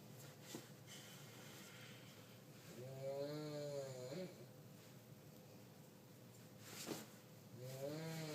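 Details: Grandmother snoring loudly enough to keep others awake: two vibrating, voiced snores about five seconds apart, with soft breath noise between, in a quiet room.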